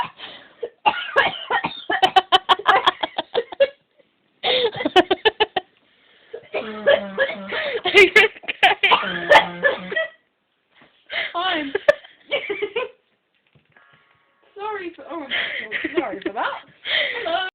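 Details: Coughing fit triggered by laughing: bursts of laughter run into repeated short coughs in clusters, with brief pauses and breaths between.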